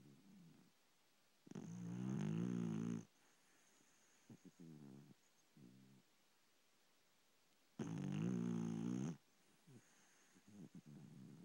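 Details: Pet dog asleep in the bedroom: two long, loud, rumbling snores about six seconds apart with softer snuffling between; snoring.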